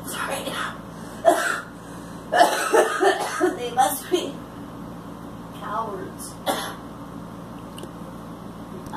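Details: Girl smoking and coughing.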